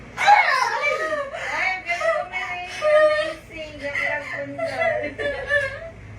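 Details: Newborn baby girl just after a normal home delivery: loud, strong, repeated high-pitched wails, a vigorous, ordinary cry.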